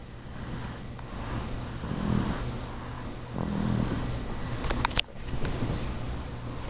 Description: My four month old son snores louder than I do haha!